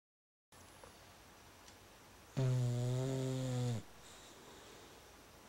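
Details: Female bulldog asleep: one loud, buzzing, low-pitched snore about a second and a half long against quiet room hiss; snoring.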